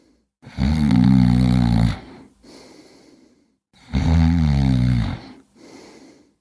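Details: Snoring from a cat.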